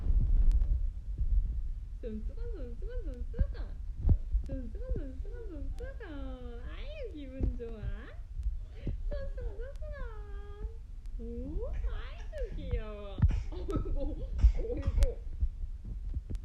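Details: An 11-month-old (355-day-old) baby squeals and laughs excitedly, then chokes and gives a few brief coughs.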